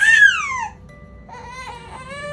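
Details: Male infant, nearly two months old, at his second chiropractic adjustment: loud, high-pitched cry falls away, then a quieter, sustained wail follows; an upset cry during handling.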